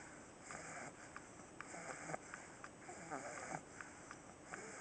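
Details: Pug dog napping after a day of hard play, snoring less loudly than usual: quick fluttering nasal snores with small snorts and sniffs, about 43 a minute, over steady background hiss.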